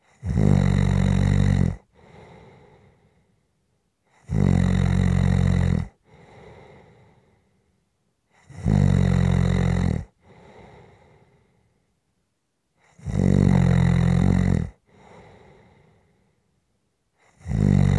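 Loud, rough snores on each breath in, about 14 a minute, each followed by a softer breath out. Steady rhythmic snoring.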